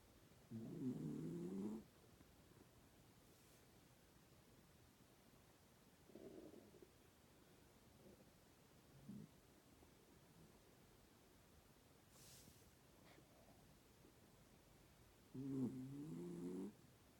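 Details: Female dog snoring in the morning with her eyes half open: faint, low rumbling snores, two longer ones several seconds apart, with soft sounds between them against a steady background hiss; snoring.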